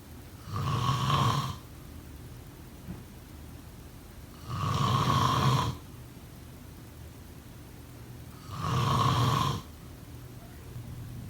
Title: Snoring sound…